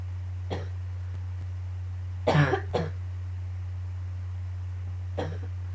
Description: I just woke up and went right into a coughing fit.started to hurt at the end :/